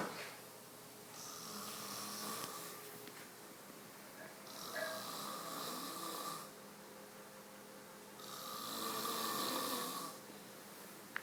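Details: Soft, breathy snoring from a sleeping person, three slow noisy breaths spaced several seconds apart, over faint room noise; snoring.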